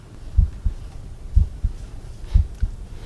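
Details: Stethoscope bell at the mitral area (apex) during an undergraduate cardiovascular examination demonstration: low, regular lub-dub heartbeat at about 61 beats a minute.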